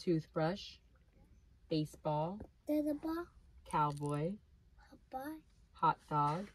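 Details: Deaf speech from a deaf child, the owner's son, repeating spoken words during a hearing test at an ENT visit.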